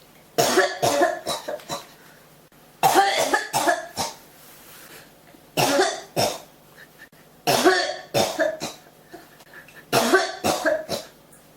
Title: 咳が止まらない 32～40 cough